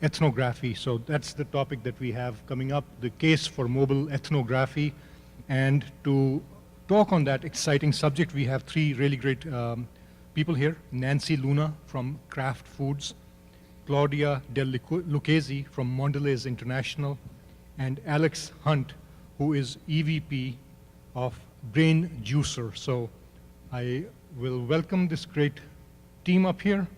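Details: Adult male speaker; normal voice.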